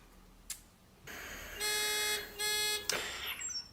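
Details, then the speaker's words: Ventilator no-assist alarm on a WEINMANN MEDUMAT Standard A emergency transport ventilator during a function test: assist mode, no patient breaths, yellow alarm then acoustic alarm after one minute; steady high electronic tones in two long bursts with device clicks. "so you see here now the led is lighting up and after two breath of no patient assistance or patient breathing i need to see the yellow no assist alarm which is the case also here after again after one minute i will also hear an acoustic alarm"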